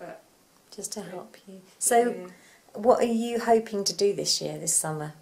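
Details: Adult woman; normal speech.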